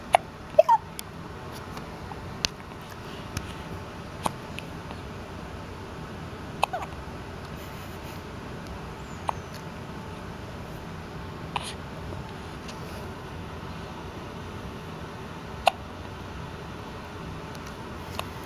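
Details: Brief sharp clicking hiccups at irregular intervals, about eleven in eighteen seconds, over steady room noise; hiccups.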